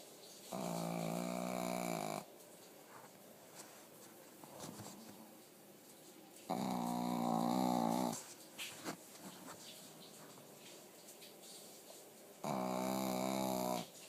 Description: My dogs name is piki, he is a Pekingese and missing an eye. I love him to death but not his snores.